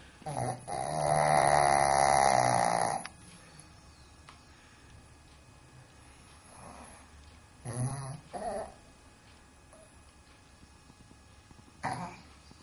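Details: Snoring from a small dog: one loud, rattling, drawn-out snore, then softer snorts and breathy noises.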